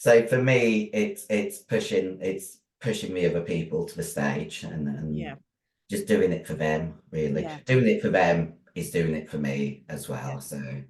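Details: Adult female bodybuilder whose formerly very high-pitched voice became very deep after taking large doses of male steroids (performance-enhancing drugs); she can no longer sing; androgen-induced voice deepening (virilization).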